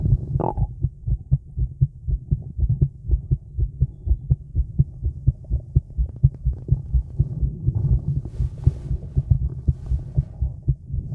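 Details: A female's heartbeat recorded outdoors in the woods after smoking, feeling a bit nervous: a steady, deep, fast but regular thumping heartbeat at about 120 beats a minute, with stomach noises and faint rustling.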